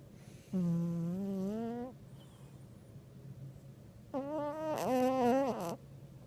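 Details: Snoring from a sleeping, very overweight black cat, loud enough to be likened to a sumo wrestler.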